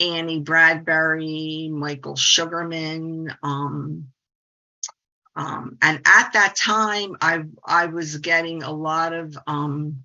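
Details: 68-year-old woman, a speech-language pathologist who stutters, says the stuttering support community changed her life 25 years ago; stuttering.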